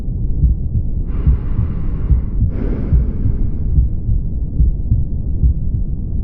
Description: 1:33 Mitral regurgitation